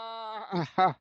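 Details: Participant five's voice after LSVT loudness therapy, from the same person whose voice before therapy was described as gravelly, harsh and hoarse.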